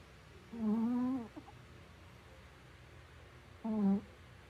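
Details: Sleeping Chihuahua puppy snoring: two drawn-out, whistly, humming breath sounds over a quiet background; tonal snoring.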